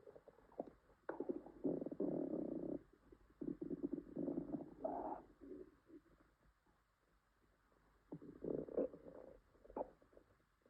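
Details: Woman with an upset stomach (stomachache, diarrhea tagged): bursts of low, gurgling, croaking rumbles with quiet gaps, loud stomach growling (borborygmi).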